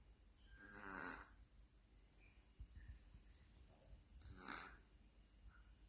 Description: Like humans, cats may snore if they have a stuffy nose.